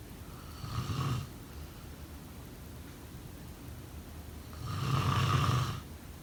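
Two low, rattling snores about four seconds apart, with quiet breathing between them. Ordinary snoring during sleep.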